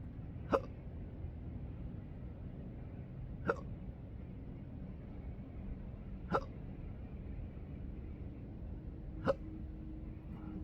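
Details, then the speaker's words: Four sharp, brief hiccups about every three seconds over low outdoor rumble at sunrise by the coast, from an adult with intractable daily hiccups, choking spasms, burps and developing achalasia since December 2015. "I thought I'd let you enjoy some of uh my morning meditation that I come on through the roof and uh enjoy the sunrise while I'm hicoping."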